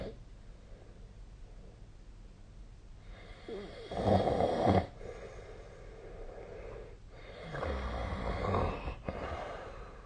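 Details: Snoring during sleep, with SnoreLab, a snore-tracking app, linked as the source: two loud, rough, fluttering snores over quiet room noise.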